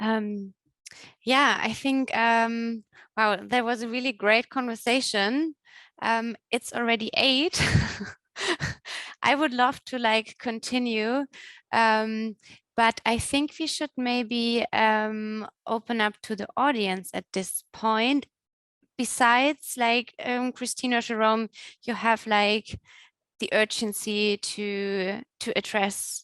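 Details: Adult woman; normal speech.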